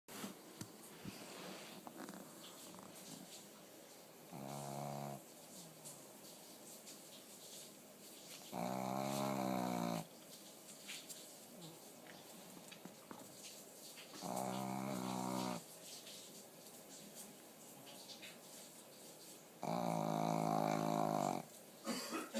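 Loud, buzzing, regular snores on inhalation, about one every five to six seconds, over a quiet room; sleep snoring.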